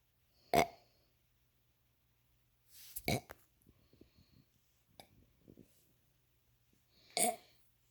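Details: A 5-year-old boy deliberately forcing three short, abrupt burps, with quiet pauses and faint small sounds between them.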